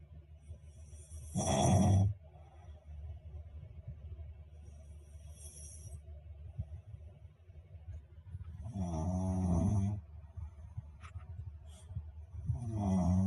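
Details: Loud, rough, rattling snores recurring every several seconds over steady low background noise; snoring.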